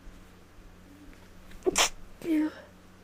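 A quick inward breath, then one sharp hissing sneeze followed by a short voiced exhale; a single sneeze.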